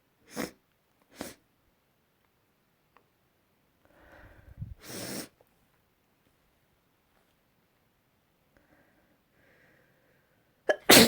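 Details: Sneezing recorded last week: separate sudden sneeze bursts with quiet gaps and soft sniffing breaths between them, recorded one after another.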